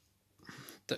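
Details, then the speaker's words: Dog lying nearby snoring in the background of a recording. "alors je suis désolé si vous entendez ronfler c'est mon chien qui est à côté qui a des qui ronfle vêtements voilà en ce qui concerne le lien hop"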